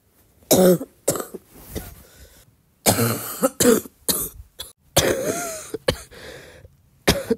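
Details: Girl coughing in a short wet-cough compilation: about nine loud cough bursts in short groups, some with a rough, throat-clearing quality, fitting a wet, productive cough.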